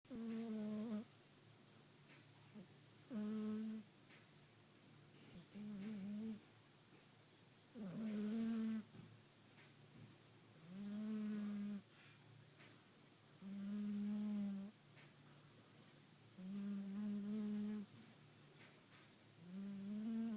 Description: Our 15 week old Bengal kitten snoring whilst asleep.